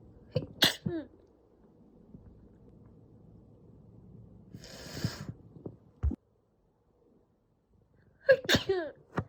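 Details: Two sharp, explosive adult induced sneezes, each with a quick inward breath before it, separated by quiet sniffing and a brief rustle.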